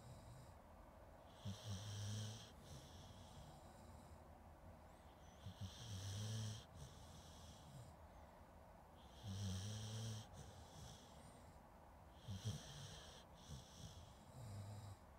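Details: Sleeping dog snoring, recorded with a Zoom H2N: low, rumbling snores with a whistly edge, about every four seconds.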